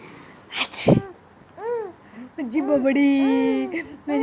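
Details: A sharp sneeze near the start, then a child giggles and vocalizes in a small room, laughing after the sneeze: sneezing.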